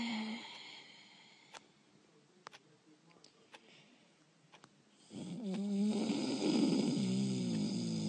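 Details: Voice-over imitation of snoring, acted for an animated character remake: soft clicks, then one long, loud, rattling snore-like sound; simulated snoring.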